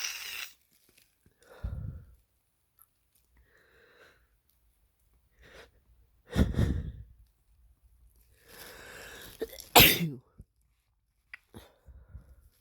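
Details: Sneezing during a lingering cold, nose irritated: two or three sharp sneezes, each with a quick breath in before the burst, separated by quiet stretches.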